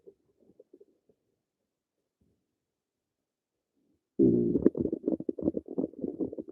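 Faint gurgles, a long quiet stretch, then a sudden loud bubbling rumble: ordinary stomach growling from gas and fluid moving in the bowel.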